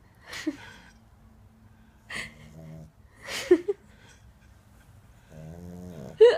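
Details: Hugo, a Boston Terrier puppy asleep: irregular snorting breaths with short low buzzing tones between them, about 22 a minute, likened to an old man's snoring; snoring.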